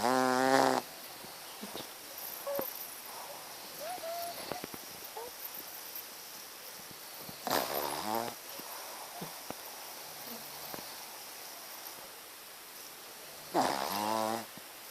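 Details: Sleeping Shih Tzu dog gives three brief, nasal, buzzing snores several seconds apart over hissing background noise; dog snoring.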